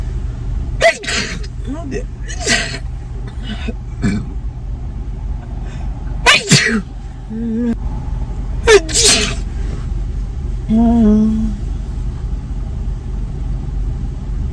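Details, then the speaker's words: Female repeatedly sneezing in a car in a Starbucks drive-through line after the gym: several sharp, explosive sneezes with brief voiced sounds between, over a steady engine hum. "i'm going to be doing some car sneezing i'm gonna try and get one"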